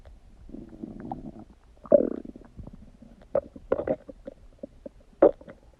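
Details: Bowel sounds (borborygmi).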